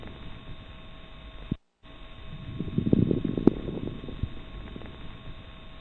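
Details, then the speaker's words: Coarse crackles, low bubbling sounds during breathing over a steady hiss, played as an NCLEX teaching sample; coarseness helps judge how much fluid is on the lungs. "describing whether the crackles are fine or coarse will help the doctor decide whether the how much fluid the patient may have on the lungs having explained this let's listen to coarse crackles"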